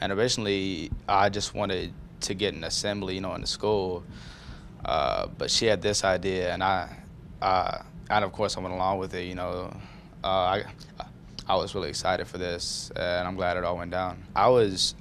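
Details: High school student who stutters, calling it a speech impediment; stuttering.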